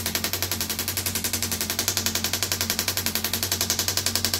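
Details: Radial shockwave therapy on an arm wrestler's triceps while seated forward; rapid, steady mechanical tapping pulses about 220 a minute over a low hum from a radial shockwave therapy device firing.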